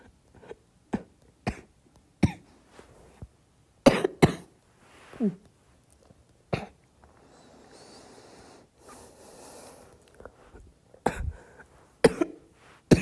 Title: Girl coughing 239